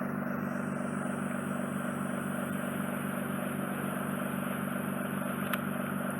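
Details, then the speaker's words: Microsuction of wet wax from a woman's ear canal, base and corners, near an inflamed, tympanosclerotic eardrum after ear drops: steady loud rushing hiss with a low hum and a brief click. "I'll just try and vacuum the wet down skin that you've got. Okay. Probably very noisy to vacuum skin, so I'll leave that because it'll be too noisy for you."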